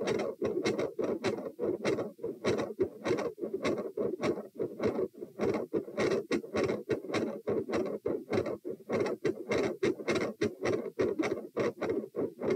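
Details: Heart auscultation at position T during a stress test (lying, sitting, standing, knee bends, standing, lying; 84–96–108–120–96 bpm), starting quiet and ending very loud, with murmur changes, split S2, extra sounds; loud rapid heart sounds after exercise.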